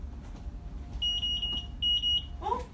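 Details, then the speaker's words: Infant nasal bubble CPAP circuit low-pressure alarm: repeated high-pitched electronic beeps over low room hum, triggered when the manometer detected low pressure from a leak while the circuit was not yet fitted to the nasal prongs. "We use, and the alarm goes off because the manometer detects that there's a low pressure."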